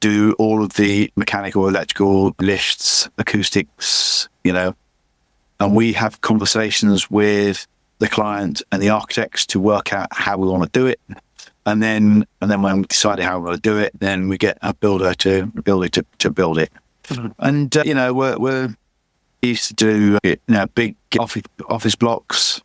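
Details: Adult male with aphasia after a massive stroke about 11 years earlier; still unable to read or write, and he says his speech is not great; aphasia.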